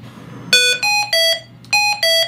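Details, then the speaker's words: Hamilton transport ventilator set up for an intubated patient in a paramedic training demo: five loud two-pitch electronic alarm bursts over about two seconds; high oxygen alarm, then silenced. "silenced this alarm here high oxygen alarm we can go to alarms again and limits and we can change that as well"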